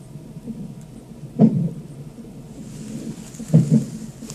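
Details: Fetal hiccups heard on a fetal monitor: two sharp, low thumps about two seconds apart over soft whooshing.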